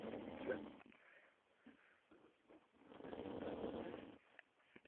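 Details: Sleeping horse in a paddock snoring: two long, low rumbling snores separated by a quieter pause with faint snuffling breaths.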